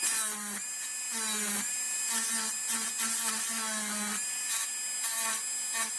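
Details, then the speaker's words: High-speed dental drill, shrill whine in repeated short strokes with pitch dips, doing mesial and distal surface reduction of a mandibular first molar (#36) on a typodont model for a full veneer crown, bur sweeping from the buccal margin. "So I'll change to this burr, and I will start my mesial and distal surface reduction. So the burr has to pass up like this, like you contact the buccal margin and slightly go up like this, and you have to keep repeating these strokes until you reach to the other side of the tooth."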